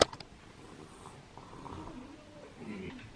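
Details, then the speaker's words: Soft, rough snoring breaths from a young boy sleeping hard right next to the speaker, faint against quiet room noise, with a handling bump at the start; snoring. "i apologize if you can hear rainy snoring in the background he is passed out right next to me right over here and he is snoring hard"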